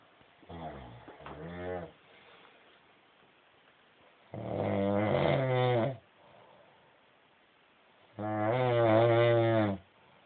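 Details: Adult woman sleeping on her wedding night: three loud, rough, buzzing breaths separated by quiet pauses, about sixteen a minute; snoring.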